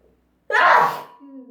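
A single loud, explosive sneeze bursts out after a brief silence, followed by a faint voiced trail-off.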